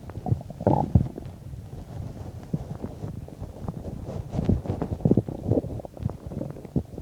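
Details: Bowel sounds while digesting a bean and cheese burrito, about 10–15 minutes after eating: continuous low gurgling and rumbling with irregular louder bubbling bursts; ordinary stomach growling during digestion.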